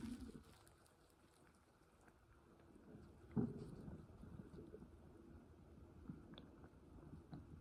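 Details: Stomach noises after a full meal: low, irregular gurgling rumbles with one louder squelch; bowel sounds (borborygmi).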